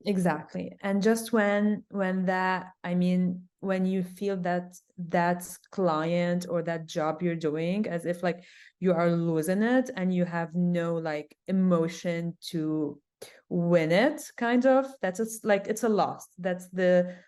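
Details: Adult woman who stutters; stuttering with sound repetitions, and she reports big blocks.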